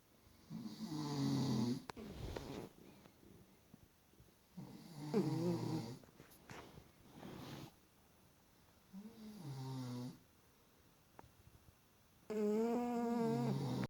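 Repeated rattling, buzzing snores in a quiet room, several breath cycles with pauses between: snoring.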